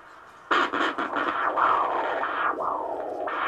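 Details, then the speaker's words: Loud, strong rhythmic handheld Doppler arterial pulse at the foot during a diabetic foot-care check; the patient has good monofilament sensation, but the pressure is over 180, taken to indicate hardening of the arteries. "hear that that's a blood flow to your foot nice and Loud nice strong heartbeat"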